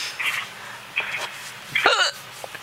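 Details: A drunk woman who has been drinking: three abrupt hiccups about a second apart over steady room noise, the last with a short voiced squeak. Hiccups.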